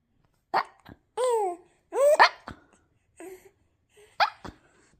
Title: Can't decide between hiccups and laughter #newbornbaby #hiccups